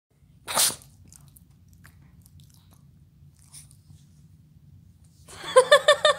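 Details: Dog sneezing: one short, sharp sneeze burst, then quiet, ending with a rapid series of snorting puffs.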